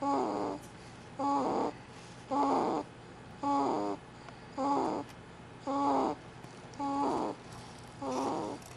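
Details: A small sleeping animal snoring: rapid, regular, nasal, snore-like squeaks, about 53 per minute, over a steady room hum.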